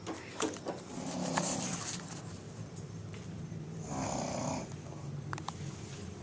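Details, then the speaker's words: Snoring during sleep; a low, rattling rumble runs steadily through the breathing and swells louder on one breath, with faint room noise in the background. "brightness is 1120, showing you how loud you snore."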